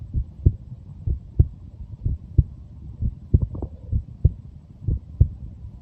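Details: Heartbeat of a 23-year-old: steady, low thumps at about 60 beats a minute over a faint low background hum; normal heart sounds.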